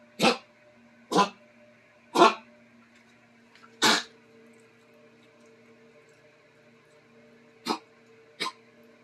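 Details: Dog coughing: six short, harsh bursts a few seconds apart.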